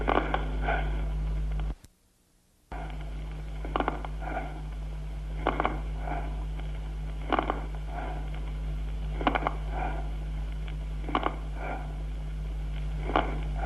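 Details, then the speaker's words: Fine crackles with soft tubular breathing, then medium and coarse crackles also with tubular breathing, over a steady low hum, as heard in pneumonia: consonant crackles with bronchial breathing. "vamos a oír primero estertores de burbuja fina acompañados de soplo tubario suave a continuación estertores de burbuja mediana y gruesa también con soplo tubario"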